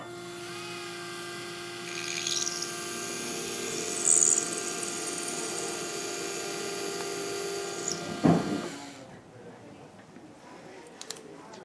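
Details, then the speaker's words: A single-use final drill runs to its depth line to prepare the site for a 3.75 × 13 mm C1 dental implant. Its steady high-pitched motor whine lasts about eight seconds, then it stops. "this one is exactly the length I would need for this 13 millimeter implant there's only one line on the drill so I would bury the drill up until that line"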